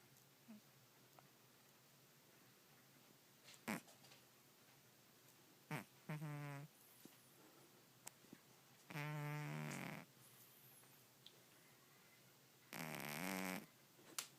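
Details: Sleeping female cat, owner wonders about sleep apnea; few irregular buzzing, fluttering breath noises spaced unevenly among small clicks and rustles; snoring.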